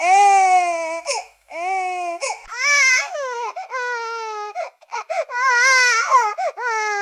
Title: Baby Crying And Screaming Sound Effect